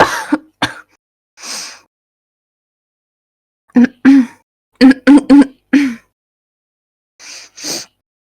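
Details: Woman, former smoker with E-cigarette or vaping-associated lung injury (EVALI): repeated loud, voiced throat clearing in short clusters with quiet gaps; she has permanent congested cough, wheezing and stuffy nose, and thinks she may have caught a cold.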